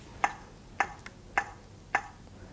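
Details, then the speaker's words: Zoll AED 3 CPR metronome in a defibrillator training demo: regular sharp ticks at about 105 a minute after a shock was delivered, prompting "push to match the tone" to pace chest compressions at a 5–6 cm depth target. "Start CPR. Push to match the tone. So the shock has now been delivered and we know that it's safe to touch the patient. We've got the metronome kicking in to give us that feedback."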